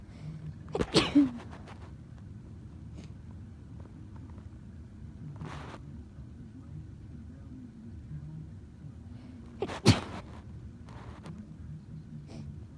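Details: Two forceful, explosive sneezes several seconds apart with quiet breathing between, from a person whose nose has been stuffed all week; sneezing.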